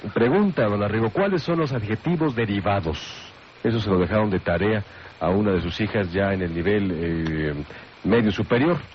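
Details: Adult male speaker, radio broadcast; normal voice.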